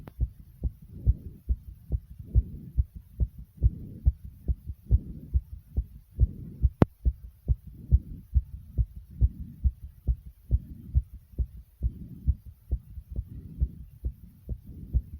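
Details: Heart racing right after 65 jumping jacks: fast, strong, regular pounding heart thumps at about 140 a minute with heavy breathing behind, a rapid heartbeat after exercise.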